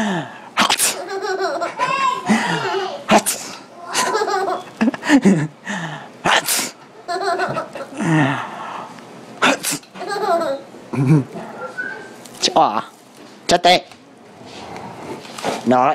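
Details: Child gives several quick sneezes mixed with bursts of giggling and laughter running on between them: sneezing with laughter.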